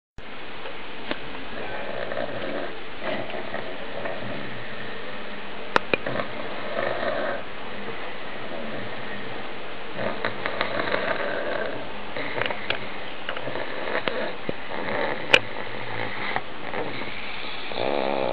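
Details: Old pug sleeping: continuous noisy snorting breaths with occasional snuffles, snoring typical of a flat-faced dog's narrowed airway.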